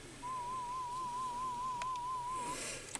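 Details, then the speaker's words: Audiometer FM warble tone at 1000 Hz and 30 dB HL, presented to the right headphone to start threshold testing; a steady mid-pitched tone with a gentle, rapid wobble for about two seconds over faint room noise. "in the right and it says FM because that is the waral tone that we're going to use"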